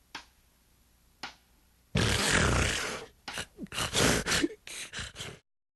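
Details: Example snoring sound in a health segment on sleep deprivation and sleep apnea; snoring.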